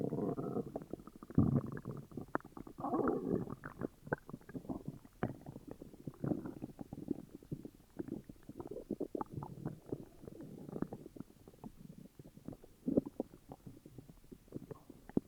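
Continuous low gurgling and bubbling rumbles with quick pops throughout; loud stomach growling from an upset stomach.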